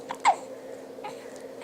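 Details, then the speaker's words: A tired young girl chewing on a toy, who has had hiccups for a long while, gives a sharp, brief hiccup with a fainter second catch over quiet room noise; hiccups. "oh those doggone hiccups oh to have a girl crazy don't they"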